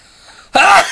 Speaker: are some of my powerful sneezes.